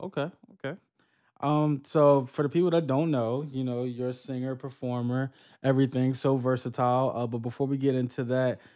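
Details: Adult male speaker; normal voice.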